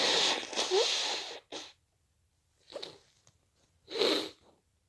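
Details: Self-induced sneezing while a bit drunk: a run of sharp, explosive sneezes, each with a quick inward breath before the burst.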